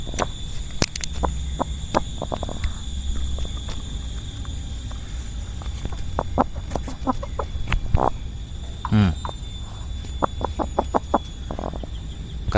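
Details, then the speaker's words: Chicken with a runny nose and mucus, one day into a cold, recorded close with a microphone: short, scattered crackly "krek krek" clicks and one brief squawk; respiratory rattling (snoring). "dia bunyi krok krok krok gitu enggak lantang gitu. Ada krek krek krek krek gitu kan suaranya. Ini engkrok."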